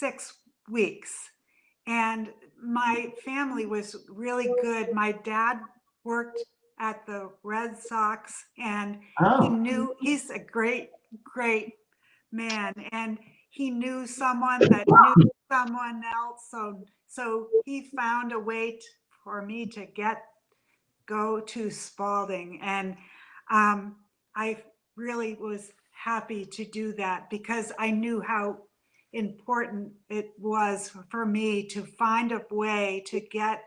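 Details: Adult woman about four years after a stroke caused by a brain AVM; had daily speech therapy twice a day in rehabilitation and still attends an aphasia centre; mild residual aphasia.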